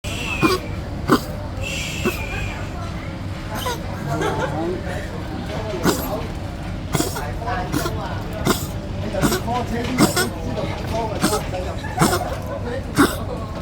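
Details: Poodle coughing repeatedly while eating afternoon tea at a restaurant: short, sharp coughs over steady background restaurant noise.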